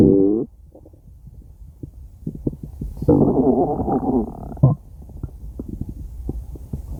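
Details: Adult stomach growling (borborygmi): low gurgling rumbles and bubbling pops, ordinary normal bowel sounds.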